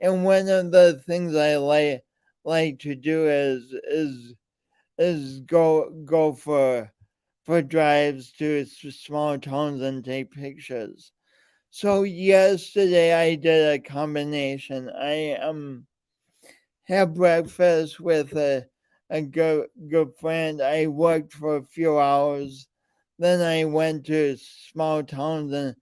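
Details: Man with a speech impediment present since birth and still ongoing, alongside lifelong coordination differences; speech impediment with disfluency.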